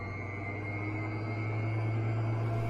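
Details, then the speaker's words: Cough assist (mechanical insufflation-exsufflation) machine running during setup of inhalation/exhalation pressures: steady loud jet-engine-like mechanical drone with low hum and faint high whine. "yes it sounds like a jet engine and yes we use it on patience"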